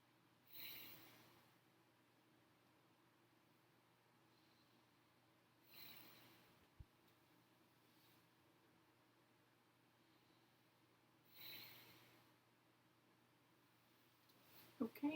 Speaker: Okay, and I heard vesicular breath sounds over the lateral areas, and there was no adventitious sounds such as wheezing or crackling.